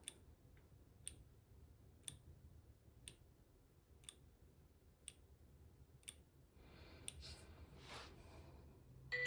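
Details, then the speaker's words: Soft regular clicks about once a second as an Omnipod insulin pump pod primes after connecting to its PDM controller, then a faint beep signalling it is ready. "You heard that? That means it's ready to go."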